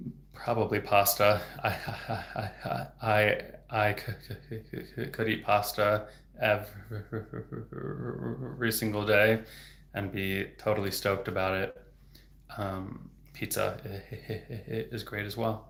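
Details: Real developmental stuttering in an adult male speech-language pathologist who has stuttered since age 8, heard stuttering openly with word repetitions.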